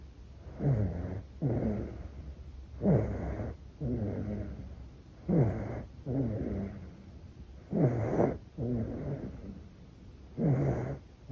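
Soft, paired rasping sounds on breathing in and out, about 25 breaths a minute; light snoring of a baby in deep sleep.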